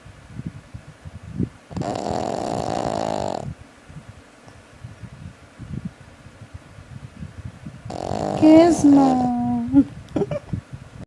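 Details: Puppy snoring: two long buzzing snores with crackly noise between them, the second ending in a whistling squeak.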